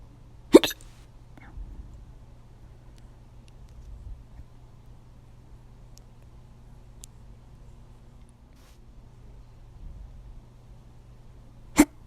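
Two sharp, abrupt hiccup sounds about eleven seconds apart in a quiet room, with faint background hum.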